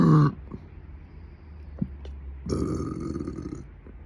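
A loud, low, rumbling voiced burst at the start, then quieter low throaty sounds; a burp.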